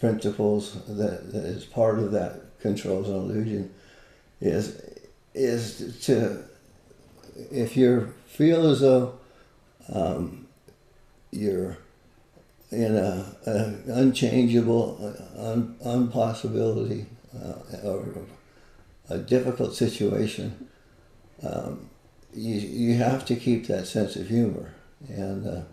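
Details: Parkinson's disease, a neurodegenerative disease, in an adult man living with it for more than 20 years, with visible shakes; Parkinson's disease speech.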